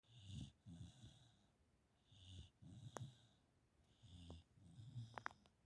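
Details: Dog snoring while dozing during a movie, startling its owner: low rattling snores with a breathy whistle, about 30 breath cycles a minute; snoring.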